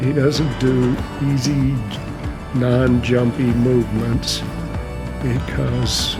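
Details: Adult male with mild essential tremor that also makes his hands unsteady; essential voice tremor.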